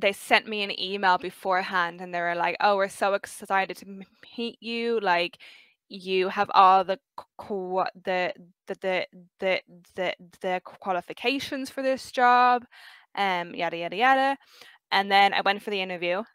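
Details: 23-year-old who has stuttered since about age five; stuttering.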